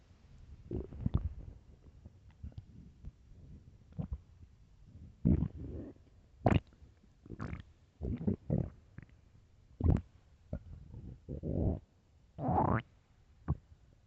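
Irregular low gurgles, squelches and groaning rumbles from the belly; ordinary bowel sounds of a hungry stomach.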